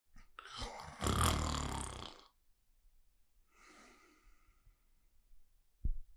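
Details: Adult man's very loud snoring during sleep, recorded with a Zoom recorder: thunderous snores.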